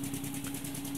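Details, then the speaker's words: SensorMedics 3100A high-frequency oscillatory ventilator set for a 13-month-old, roughly 8 kg child at 10 Hz, I:E ratio 1:2 (33% inspiratory time): steady mechanical hum, fine rapid buzzing vibration and airflow hiss. "we're going to pick a frequency of 10 Hertz and virtually all of our patients are managed with an ite ratio of one to two giving a percent inspiratory time with 33%"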